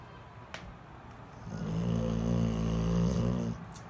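A single long, low, vibrating snore during sleep, lasting about two seconds, in a quiet room; dog snoring.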